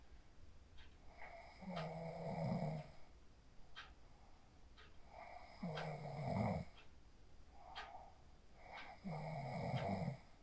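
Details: Phone recording of a person asleep after practicing the 4-7-8 breathing technique: three rattling snores about every three and a half seconds, around 17 a minute, with softer breath sounds between; sleep snoring.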